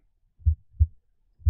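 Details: Simulated normal heart sounds from an iPax online auscultation simulator, chest piece placed at the aortic area: three low, soft thumps about a third of a second apart; sound fades away from the point of maximal intensity.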